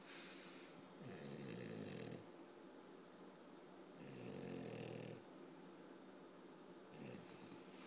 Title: French bull dog snoring while awake trying to sleep